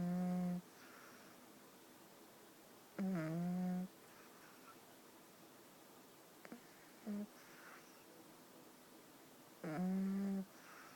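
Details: Pug puppy asleep in a quiet room, with loud, tonal, whistling snores every few seconds and a short snort between; snoring in a flat-faced puppy.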